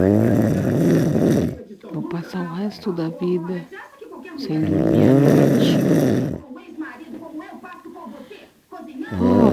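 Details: Person snoring in the early hours of the night: a loud, rough, rattling noise on breathing in, returning after quieter stretches, with faint talk between; heavy snoring.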